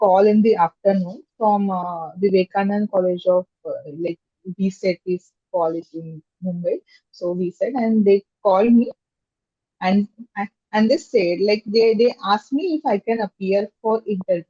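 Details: Adult woman with stammering since childhood, speaking in a podcast interview. Stammering (stuttering).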